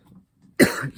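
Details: Cough after smoke inhalation: an adult's single harsh, explosive irritant cough after taking cannabis blinkers.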